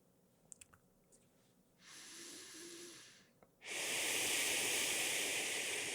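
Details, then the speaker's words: Breathing exercise with a Relaxator resistive breathing device set to level 5: soft nasal inhale, then a long hissing exhale forced through the device's small opening, lengthening the out-breath. "So what I'm doing right now is breathing in through my nasal cavity, through my nostrils, and I'm breathing out through the relaxator. And the sound that you hear is it being forced through this small space in this device."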